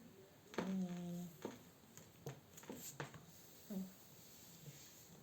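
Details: Snoring from a sleeping British kitten: one loud, droning snore followed by a few faint snuffles and clicks.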